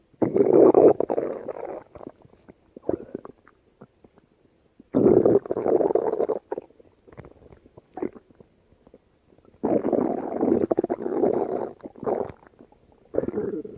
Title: Rumbly Tummy